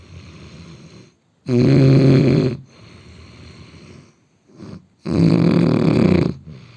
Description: snoring indian man / man sleepling / ASMR / sound therapy / sleep